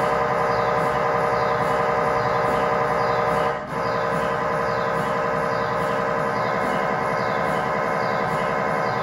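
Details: Loud continuous droning buzz with a rapid pulsing rhythm and one brief dip, from an MRI scanner during a test tibia/fibula (lower leg) scan with a GE high-definition lower-extremity coil (stated as 8- or 16-channel), in a controlled environment.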